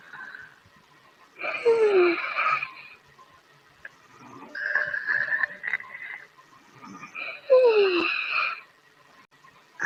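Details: Two whistling, wheezy breaths about six seconds apart, each with a falling squeaky tone, from a sleeping dog; snoring.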